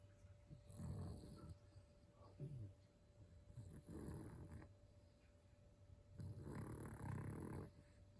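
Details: Yorkie dog snoring: soft, rough low rumbles recurring with each breath over about eight seconds, faint steady hum behind.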